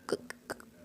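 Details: Woman who overcame a stammer that began in childhood, not from birth, imitating how she got stuck on the first sound of her name; stuttering, initial sound repetition (imitated).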